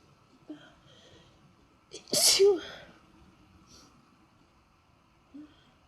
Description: ... im sneezing again...